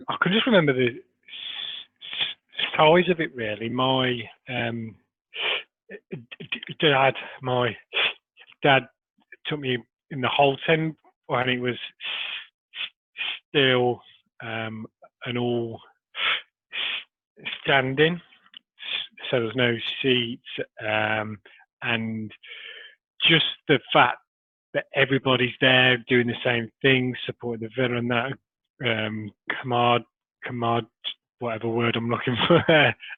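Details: Adult man who has stammered since early childhood, with major blocks through school; he still has blocks and repetitions despite Starfish Project technique; stuttering.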